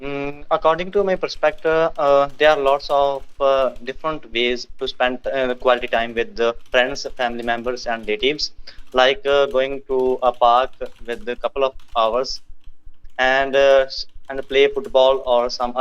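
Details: Adult male speaker; ordinary speech.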